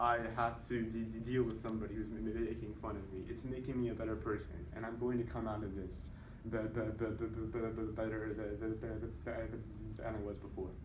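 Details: Voluntary (fake) stuttering by a man who stutters, deliberately produced and tallied during a presentation on stuttering.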